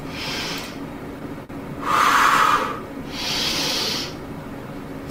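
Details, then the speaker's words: Simulated laboured breathing with accessory muscle use, demonstrated after normal breathing: loud, effortful, noisy breaths in and out, as when severe asthma-like bronchial narrowing causes air hunger needing urgent action. "la utilización de músculos accesorios que es esto a mí me ven ahora respirando normal ahora me van a ver respirando utilizando músculos accesorios"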